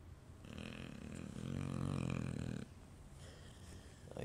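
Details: A person snoring in bed: a deep, rumbling, fluttering snore builds over about two seconds on the in-breath, then a quieter out-breath.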